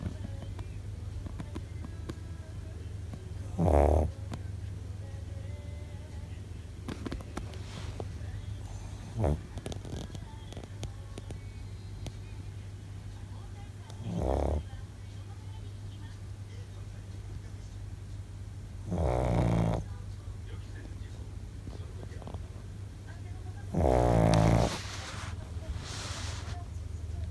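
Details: Shih Tzu dog, asleep and tired after an outing, snoring loudly in low rumbling bursts roughly every five seconds.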